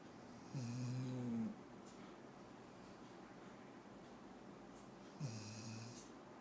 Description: 6 month old labrador, named Ally...in a deep sleep....and she snores loudly!